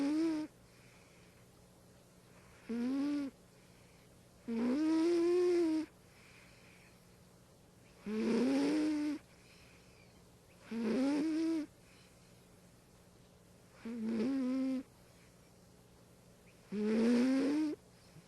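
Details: Beloved companion who lived 1985 to 2012, recorded asleep: rhythmic, high-pitched, tonal snores about ten a minute, each lasting around a second, with quiet pauses between them; snoring.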